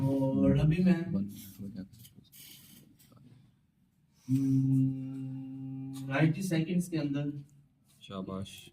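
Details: Adult male stuttering-course participant, who had a fairly significant stammer on arrival, now speaking about 90% fluently using the taught fluency-shaping technique; stuttering with fluency-shaping technique.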